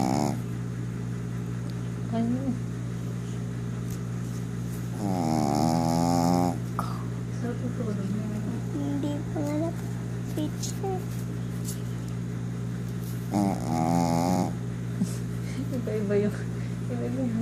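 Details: Afternoon nap with two loud, rattling, buzzy breaths about eight seconds apart against a steady hum; snoring.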